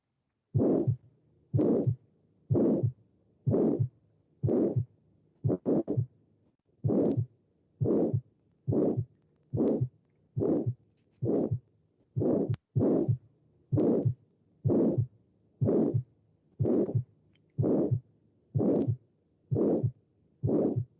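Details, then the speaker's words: Aortic stenosis with incomplete aortic valve opening obstructing left ventricular outflow: regular heartbeat near 62 a minute with a harsh crescendo-decrescendo (diamond-shaped) systolic murmur between first and second heart sounds; aortic stenosis murmur. "Es un soplo sistólico porque está entre el dub-dub, dub-dub, dub-dub, ¿no? O sea, entre los dos."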